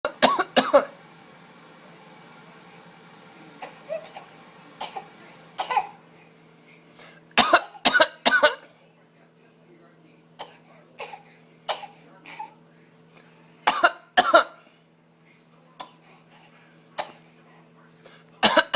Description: Pretend coughing